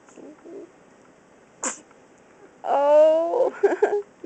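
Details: A male sneezes: a short, sharp sneeze burst followed by a drawn-out high vocal sound, with brief voices in a quiet room.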